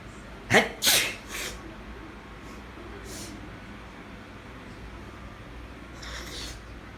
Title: Weather changing... sneezing! Pt. 2